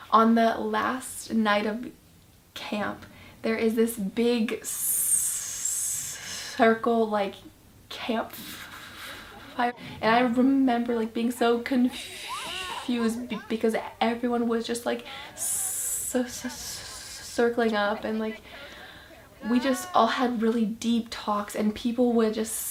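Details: Female speaker who stutters, aware of it since 5th grade; stuttering.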